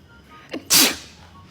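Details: Deliberate sneeze done as a prank on a roommate: a quick in-breath followed by a single loud, explosive sneeze.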